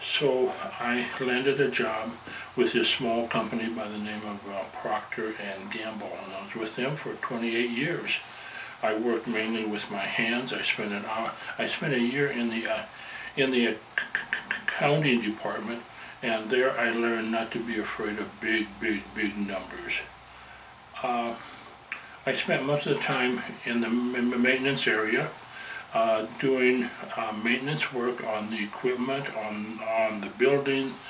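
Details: 67-year-old man who has stuttered as long as he can remember, had years of speech therapy, with some stuttering persisting; stuttering.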